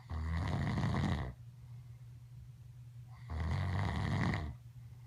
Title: Daddy Snoring 3-September 2015